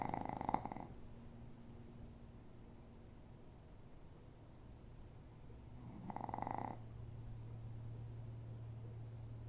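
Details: Quiet snoring: two soft, rattling breaths about five seconds apart over a steady low hum.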